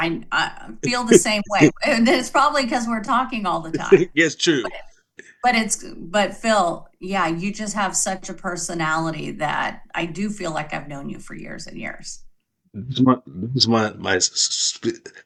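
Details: Two adults in conversation; conversational speech.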